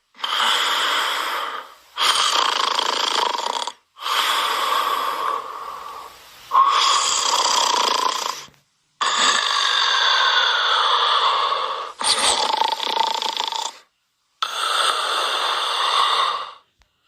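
Loud rasping snores on each breath in, about seven in seventeen seconds, with short quiet gaps between; sound-effect recording.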